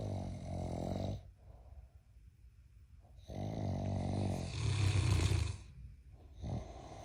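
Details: Loud, rumbling snores in slow cycles, some rattling and fluttery, with quiet pauses, from a sleeping giant Mastiff puppy and an adult man.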